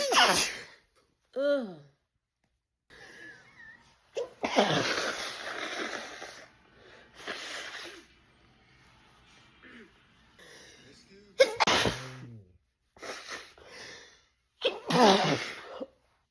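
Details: Black woman with allergic rhinitis in a sneezing fit, in an edited 8½-minute loop: repeated forceful sneezes with sharp in-breaths, snorts, throat clearing and brief exclamations.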